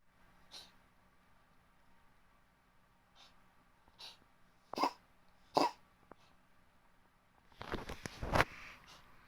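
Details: White Oriental kitten, about 3 months old, in a cough/retching episode: short, harsh expulsive bursts building into louder gagging. Episodes began on day three after arrival, recurred every 2–3 days and resolved after about a month.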